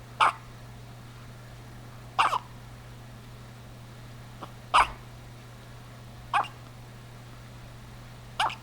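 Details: A baby with hiccups: five brief, sharp hiccups about every two seconds, roughly 30 a minute, over a steady background hum.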